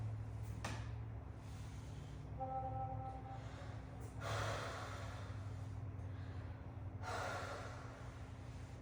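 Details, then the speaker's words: Stethoscope auscultation of a 12-year-old boy's posterior chest during a nursing respiratory assessment, breathing through the mouth harder than normal: slow, deep, soft airy breaths, no wheeze or crackles; all lobes clear, normal breath sounds. "Upon oscultation of of all lobes, um they were clear."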